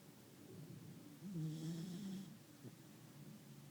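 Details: A single soft, low, rumbling snore on a breath from a sleeping cat in a quiet room; snoring.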